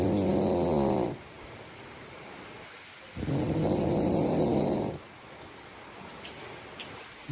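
Loud rattling snores on each breath in, about 17 a minute, with quiet breathing between and faint room noise.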